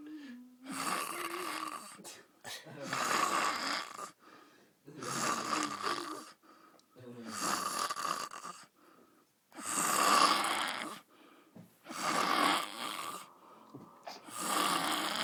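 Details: Loud, rough, rattling snores from a sleeping panda, repeating about every two seconds with short pauses between breaths; snoring.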